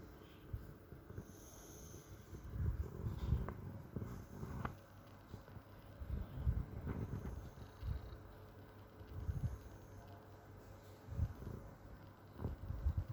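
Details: Cat snoring in its sleep: soft, low, rhythmic snorting breaths repeating every few seconds over room noise.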